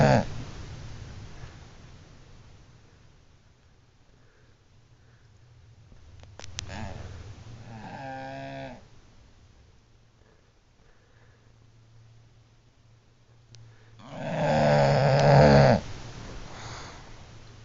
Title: bulldog snoring